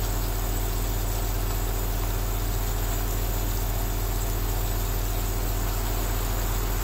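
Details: Steady low motor hum with rapid regular pulsing and a hissing background: an aerosol nebulizer compressor running continuously, with rain outside.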